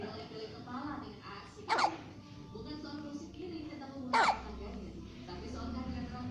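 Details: One-month-old baby girl: two brief, sharp hiccups about two seconds apart over faint room and background noise: infant hiccups.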